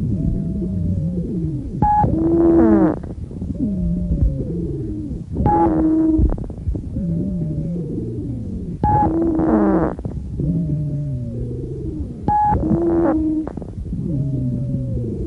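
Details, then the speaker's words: High-pitched wheeze (sibilant rhonchi): musical, whistling tones recurring with each breath at about 17 breaths a minute, from narrowed airways. "wheezes may be described as high-pitched in which case they are also called sibilant rhonchi or low-pitched in which case they are also called sonorous rhonchi listen to a high-pitched wheeze"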